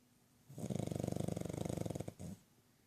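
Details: Sleeping pug: a sustained rattling, vibrating snore of about one and a half seconds, then a shorter second snore; snoring.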